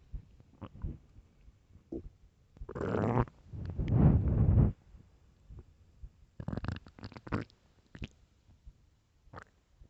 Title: hungry stomach growl and gurgles